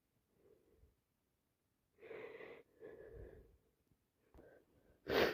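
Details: Person with a common cold on day 3, caught from a cousin, unable to stop sneezing: soft breathy intakes, then several wet sneeze bursts ending in a loud one; repeated wet cold sneezing.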